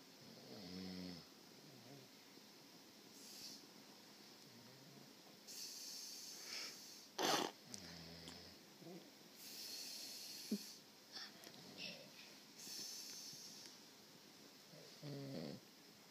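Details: Snoring: rough, low rattling snores recur throughout, with airy breath noise and some room noise between them.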